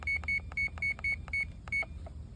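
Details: Seven short, high, evenly spaced beeps in a quiet room: arrow and save keypad presses on a CADD PCA infusion pump while continuous rate and PCA dose are programmed.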